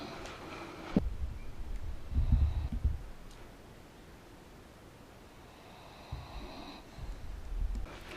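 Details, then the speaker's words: A sleeping pet dog in pyjamas gives two low, rough, rumbling snores separated by a quiet pause. "You can probably hear him snoring again. He is in his jammies though, so excuse that."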